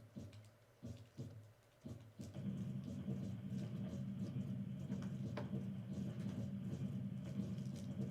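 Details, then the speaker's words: Recorded patent ductus arteriosus: low heart thumps give way to a continuous churning whoosh of blood moving back and forth, a machinery murmur described as a grade one or three systolic murmur sounding like a washing machine. "so what you'll end up hearing is a grade one or grade three systolic murmur um it's described as being like a washing machine"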